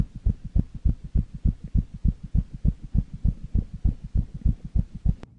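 Rapid, regular heartbeat with paired thumps, about 100 beats a minute or more, too fast for a resting adult: tachycardia.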